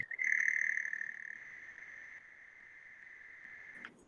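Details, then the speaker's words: Auditory brainstem response (ABR/PEATE) click stimulus played in an audiology class: a very fast, steady, high-pitched click train that sounds like a cricket chirping. "Parece um grilo. Então, esse grilo, que assim, a gente faz isso aqui, né, na velocidade que o nosso dedo permite. Só que é isso aqui muito, muito, muito, muito, muito, muito, muito rápido."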